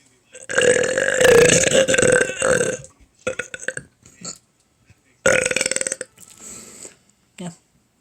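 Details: Repeated burping: several loud, drawn-out voiced belches with shorter burps between them.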